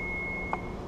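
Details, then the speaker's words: AED switched on during cruise ship staff training after pads are placed on the upper right chest and the left chest below the pectoral; steady high electronic power-on tone with a short click. "right just below the Peck okay put those on turn that on this"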